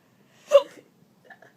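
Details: Adult playing patty cake with a small child gets the hiccups: a single abrupt, voiced hiccup followed by soft small vocal sounds; one hiccup.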